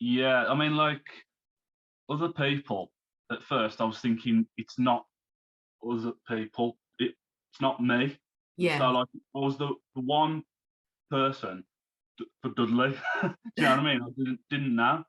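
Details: Man who had a stroke at age 33, about three months earlier, and is recovering while still overcoming speech difficulties; post-stroke aphasia.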